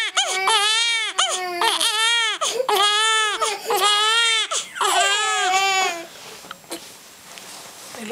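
Loud, rhythmic infant crying in repeated bursts, roughly one a second, with a steady pitch, then quieting to soft whimpers.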